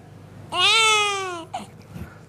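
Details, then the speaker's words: A single cry from a German newborn baby that starts loud and high, then falls in pitch and fades, a falling cry melody. "de eerste is een Duitse baby en daar is eigenlijk niks bijzonders aan die huilt zoals je het zou verwachten die zet druk op zijn keel Druk valt weg"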